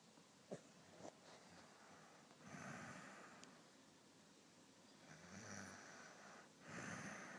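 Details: Soft, rough snoring breaths with quiet pauses between, in a quiet room; ordinary snoring.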